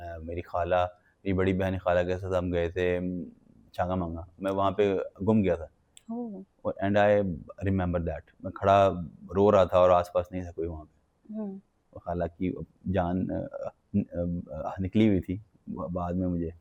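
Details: Adult man with developmental stuttering (stammering) that began in childhood.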